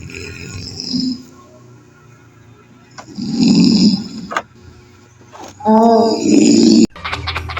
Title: SNORING TIME PART 1